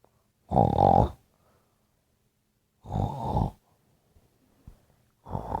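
Three short, rough snorting snores separated by silence, roughly every two and a half seconds. Snoring during sleep.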